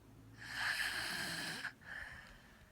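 A single rough, rattling breath noise with a buzzing tone that lasts just over a second. It is a snore.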